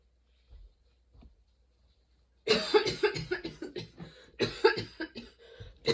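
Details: Sudden-onset nonstop coughing fit that kept worsening, bringing tears and repeated position changes for comfort: silence, then a run of rapid harsh coughs with barely a pause for breath; prolonged coughing fit.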